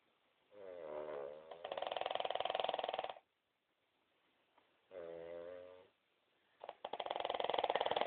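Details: Two Cavalier King Charles Spaniels, a grandmother and granddaughter, snoring: loud rattling inspiratory snores with a voiced, vibrating quality and short quiet gaps between breaths.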